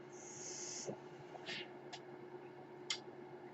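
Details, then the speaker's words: Mechanical ventilator sounds heard during a podcast recorded by its ventilator-dependent host: breathy hiss of airflow, then short puffs and soft clicks over a steady low hum in a quiet room. "That noise you're hearing is my ventilator, and thank you for tuning in to Page Turners They Were Not, my Star Wars podcast."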